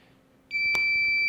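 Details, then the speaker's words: LVAD controller alarm while the driveline is pulled from the controller and plugged into the backup controller, with alarms sounding on both: a sudden steady high-pitched electronic tone with a brief click. "push it straight into the next controller you're going to get alarms on both controllers just hit the alarm silence button"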